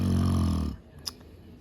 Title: My dad Snoring In￼The background￼